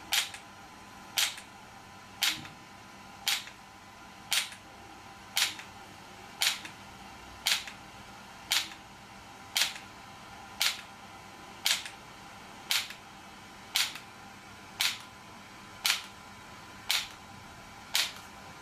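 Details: ESWT shock wave therapy device for muscle and bone pain relief, used on a patient's joint: sharp regular clicking pulses, about 57 a minute, over a steady hum.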